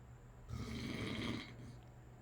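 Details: Sleeping dad giving one low, rough, rattling breath of about a second, with quiet room noise around it; quieter than a minute earlier; snoring.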